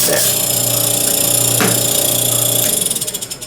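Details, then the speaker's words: Home aerosol compressor switched on, set around 50 psi, for a cool humidity tracheostomy system: loud steady motor hum with a rattling buzz, then pulsing as it winds down. "so I'm going to turn it on it's going to make some million"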